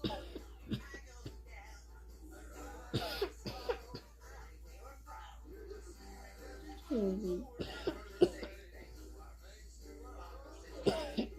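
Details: Dog giving several harsh, abrupt coughs with gagging and retching sounds, bringing up mucus.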